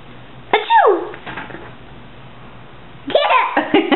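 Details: A brief voiced burst followed by a falling squeal, a small sneeze, then a second vocal burst after a pause.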